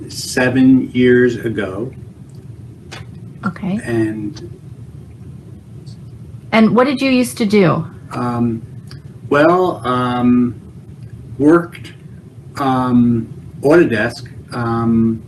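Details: Man with Broca's (non-fluent, expressive) aphasia from a stroke 7 years ago; effortful speech and word-finding difficulty, with understanding and intellect preserved.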